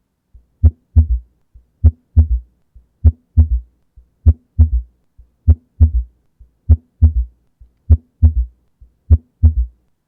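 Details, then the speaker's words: Teaching example of a third heart sound (S3 gallop), the "Kentucky" rhythm: a slow, regular heartbeat near 50 a minute with an extra low thud after the second sound. "another tip to remember is that the S3 Rhythm often sounds like the word Kentucky while the S4 Rhythm often sounds like the word Tennessee"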